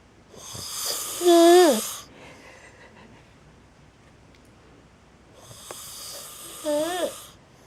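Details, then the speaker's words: Sleeping male snoring: two snoring breaths about five seconds apart, each ending in a loud, high, whistling, horn-like honking squeal, with quiet breathing between. "Did you hear him blowing his horn? Did you hear him blowing his horn? It sounded like he was blowing a horn."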